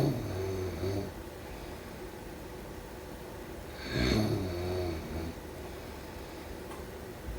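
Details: Two low rattling snores on breathing in, a few seconds apart, with quiet breathing between, during sleep: snoring.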